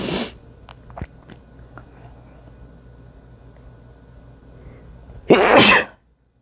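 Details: Male sneezing onto a mirror: two sharp, explosive, wet sneezes with a quiet pause between them, in a small room.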